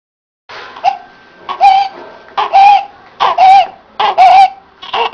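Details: A newborn makes a high-pitched, crowing musical noise with each rapid breath: neonatal stridor.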